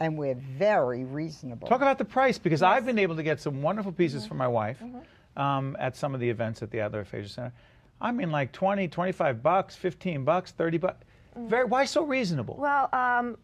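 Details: Adult speaker; ordinary conversational speech.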